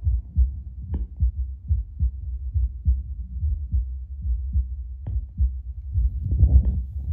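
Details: Own baseline heartbeat before drinking espresso, heard out loud through a Bluetooth Littmann CORE stethoscope: regular, steady beat at about 75 beats a minute, with some chest-piece rubbing noise; normal heart sounds.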